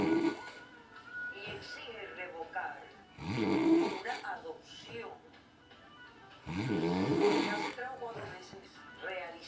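Loud snorting snores about every three seconds over a television playing Spanish talk and music; snoring during sleep.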